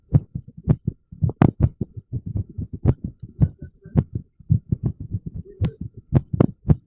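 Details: Irregular heartbeat: fast, low thumping at about 110 beats a minute with unevenly spaced beats.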